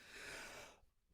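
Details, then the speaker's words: Single breathy, rasping cough from an adult man who thinks he has walking pneumonia. "You see, you hear that, like, that kind of sound with the cough. That is what I think that we call this walking pneumonia. I think I have walking pneumonia."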